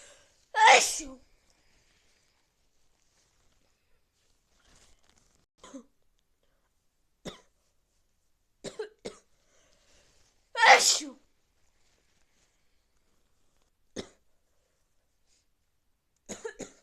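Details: Two loud explosive sneezes with quieter sniffs and breaths between them, part of a long run of repeated sneezes from a person with a cold; sneezing.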